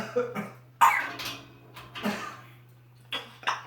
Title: African Grey Congo with a severe case pneumonia coughing his lungs out!!! (A must see)